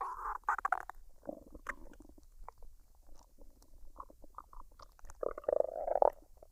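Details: Normal bowel sounds, stomach digesting noises recorded from a woman's belly after a meal of fried rice and duck; unedited, no artificial sounds, no talking.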